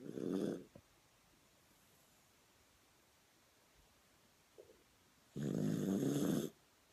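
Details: Low rattling snores with long quiet pauses, about one every five seconds; snoring during sleep.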